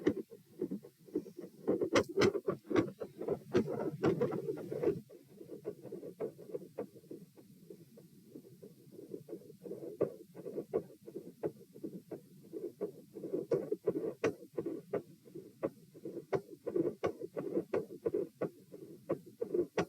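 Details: Heart sounds recorded at position P, tachycardia at 120 bpm with very quiet periods and extreme variation in S1 and S2 intensity.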